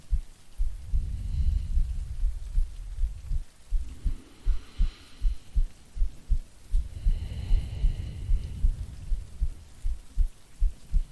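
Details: Woman's normal resting heartbeat in a sleep-aid ASMR recording with no talking: soft low thumps around 78 a minute under steady rain and distant thunder.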